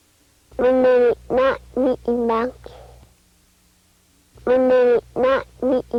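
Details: Child with a repaired bilateral complete cleft lip and palate often uses compensatory glottal stops; glottal stop substitutions (cleft palate speech).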